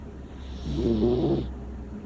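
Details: Small female cat snoring while asleep: one loud, low, rough snore rising and fading over about a second.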